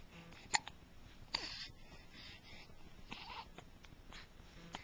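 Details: Hiccups: several brief, sharp, abrupt catches of breath at irregular spacing.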